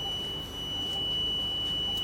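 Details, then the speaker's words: Vela ventilator just switched on during a nurse training session, with no breathing circuit connected. A steady high-pitched electronic alarm tone blares over faint room hum until alarm silence is pressed. "So first thing, there is no circuit connected, nothing is connected, that's why this alarm is blaring. Simply you put alarm silence."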